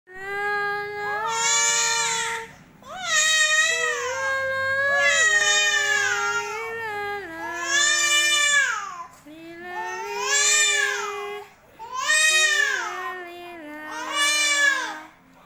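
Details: Baby just woken, crying with repeated loud, tonal wails and short breaths between, about seven bursts; an ordinary infant cry.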